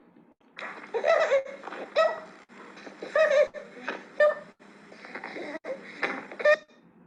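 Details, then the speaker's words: Repeated harsh, squeaky, broken noises with each breath in, roughly one per second, in a feeding newborn: interrupted inspiratory stridor from laryngomalacia. "El estridor tiene tono grave. Lo van a escuchar a ustedes ahora y va a parecer de que no es de tono grave, pero cuando lo comparemos con otro van a ver que es de tono grave y que aumenta fundamentalmente durante el sueño y desaparece en el llanto."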